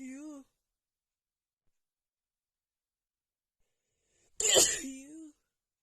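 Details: Female with a cold and unbearable nasal tickle, during a huge sneezing attack: a drawn-in voiced breath, then a sharp explosive sneeze with a trailing voiced tail.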